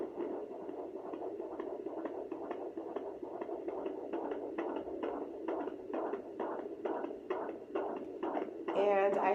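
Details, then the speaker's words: Unassisted weekly at-home pregnancy checkup with a home fetal Doppler placed low on the left or right abdomen: fast, regular whooshing pulses at about 135 a minute over a low hum, a normal fetal heartbeat. "and there's the baby's heartbeat I just had it it can be kind of tricky because you can find the baby's heartbeat and then the baby can move and then you can lose the party just as quick as you found it"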